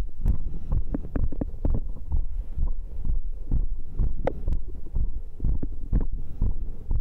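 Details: Heartbeat recorded right after the final strength-training round of dips, abdominal exercises, diagonal pull-ups and arm curls, stated rate 132; fast, strong thumping beats; normal rapid heartbeat after exercise.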